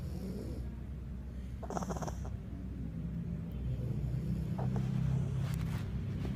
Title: Snoring competition pt 2 (Mama vs Pomeranian)